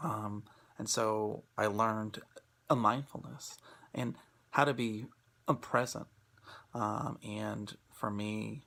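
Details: Presenter who stutters, speaking in an International Stuttering Awareness Day 2016 talk on acceptance and commitment therapy (ACT) for people who stutter; stuttering.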